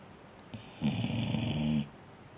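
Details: Sleeping dog snoring while hot, per the owner: a single loud, rumbling snore lasting about a second; ordinary snoring.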